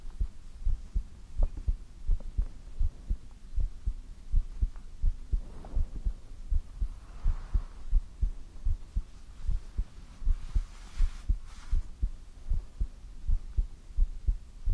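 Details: ASMR heartbeat recording: steady, soft, low thumps at about 80 beats a minute, a regular ordinary heartbeat with faint background hiss.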